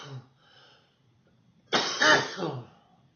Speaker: Cough's bad this morning. Oh. Oh. This is first thing in the morning, by the way.